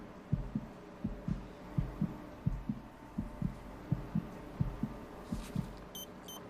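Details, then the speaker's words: Fetal heartbeat of an unborn boy during a sonography in a drama scene, where spinal abnormality needing surgery after birth is later discussed: soft, regular paired thumps at about 115 a minute from a monitor, faint beeps near the end. "हुआ है एक लड़का है उसके दिल की धड़कन सुनना चाहोगी हाथ जरूर"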